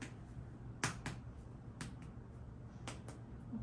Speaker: all sounds are timpani which is what you want